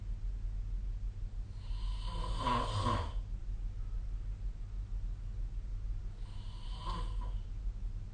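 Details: Snoring during sleep recorded on 2025/05/17: two rough, rattling snores about four seconds apart over a steady room hum.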